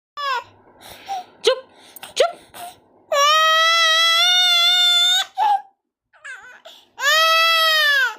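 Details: Baby crying after being scolded by mother, with hiccups: sobbing with catching breaths, then long loud wailing cries in a quiet room; infant cry.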